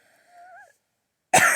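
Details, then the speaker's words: Person with allergies and a headache, coughing while taking a quiz: a brief tonal, whistly breath sound, a pause, then one sharp explosive cough. "yeah i apologize for all the coughing"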